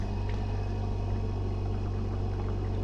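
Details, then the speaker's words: Home oxygen concentrator, flow adjustable up to 5 litres per minute with water humidifier, just switched on: steady low motor hum as it runs, water bubbling. "now i have switched on the display is"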